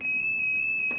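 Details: Defibrillator cabinet in a Kyiv metro station being opened: a steady, piercing high-pitched electronic alarm tone sounds continuously as the AED is accessed.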